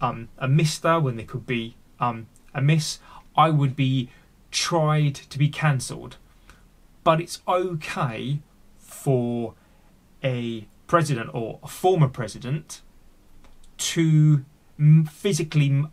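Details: Real, unedited speech of an adult man who stammers and is on a speech therapy journey; stuttering.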